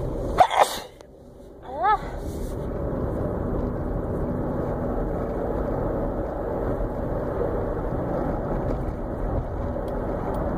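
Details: A single brief sharp sneeze and a short voiced sound, caught while driving over steady engine noise: sneezing.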